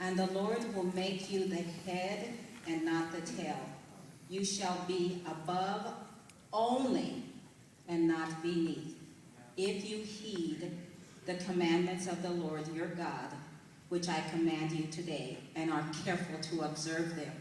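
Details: Adult woman whose dialect changed immediately after a brain injury mimicking a stroke in 2004, heard by her uncle as Jamaican, still very slow after six months of speech therapy, reading scripture aloud; foreign accent syndrome.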